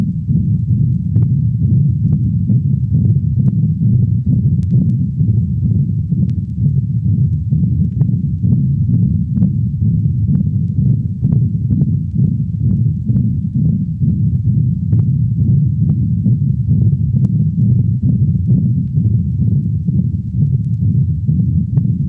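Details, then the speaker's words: Dog, recorded at the cranial thoracic wall: continuous low rumbling machinery murmur through each beat, about 66 per minute; patent ductus arteriosus (only systolic murmur over mitral and tricuspid valves). "this distinctive continuous murmur is best heard at the level of the aortic and pulmonic valves only a systolic murmur may be heard over the mitral and tricuspid valves listen to the continuous machinery murmur of a patent ductus recorded at the cranial thoracic wall of a dog"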